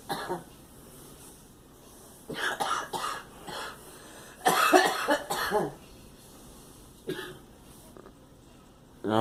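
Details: Girl coughing: several short, harsh coughs in irregular bursts, some in quick clusters, with quiet gaps between, in a small room.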